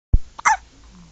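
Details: Newborn girl only 8 hours old: a sharp low thump followed by a brief voiced catch, a single hiccup.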